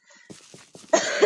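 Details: A sick gamer coughs while recording: a few soft cough-like bursts, then a louder harsh cough at the end.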